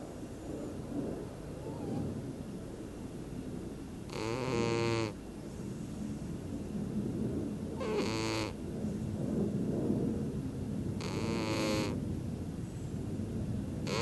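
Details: Sleeping cat snoring again: three rasping snores on the in-breath, about four seconds apart, over steady room hiss.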